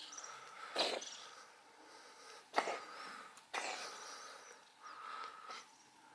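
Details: Three short, dry hacking bursts from a cat in the early morning; cat cough.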